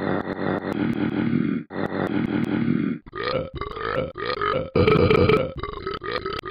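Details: Person burping: a series of loud, prolonged, rumbling belches with brief pauses between.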